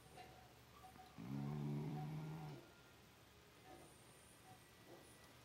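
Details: A small pit bull dog snoring: a single drawn-out, buzzing snore lasting over a second on a breath in, then quiet breathing in a faintly noisy room.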